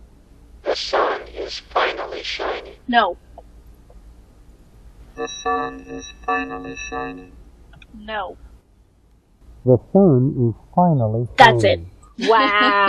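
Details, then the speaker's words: Cochlear implant hearing simulation: short spoken phrases, some rough and noisy, others buzzy and tonal. These are vocoded versions of a sentence ("The sun is shining") played to the normal ear to match what the implant ear hears; sounds slightly nasal, congested. "자 다시 한번 들어보시겠어요 살짝 코막힌듯한 음성입니다 나쁘지 않습니다"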